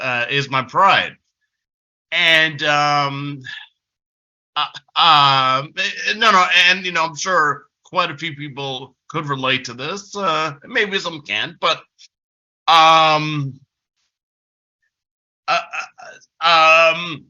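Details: Adult male with developmental stuttering since about age six, a person who stutters, heard with frequent filler interjections and repetitions; stuttering.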